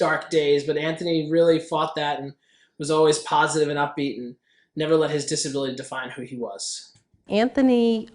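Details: Adult speaker; normal speech.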